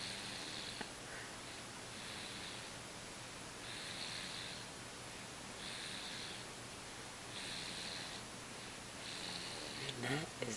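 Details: Young child sleeping, soft rhythmic hissing snore with each breath, about every 1.7 seconds, over steady room noise; light snoring.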